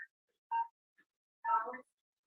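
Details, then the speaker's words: Operating room patient monitor heartbeat tone: short, quiet electronic beeps, each marking a heartbeat, in a 60-year-old patient undergoing propofol induction of general anesthesia for thyroid surgery. "You can hear that heartbeat in the background, so that's all great."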